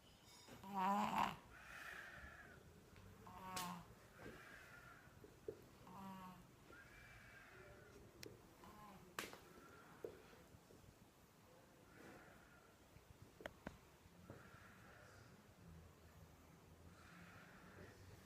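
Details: Baby snoring: soft, irregular snorting breaths with light nasal snoring, a few clicks and rustles, quiet room.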